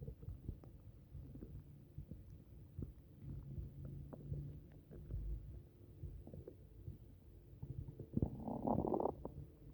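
Irregular low gurgles and bubbling from an upset stomach, with a louder gurgling burst near the end.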